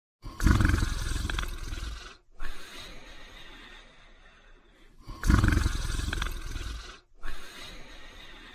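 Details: A sleeping person snores heavily: loud, rough, rattling snores on each in-breath, followed by quieter out-breaths, about 12 breaths a minute.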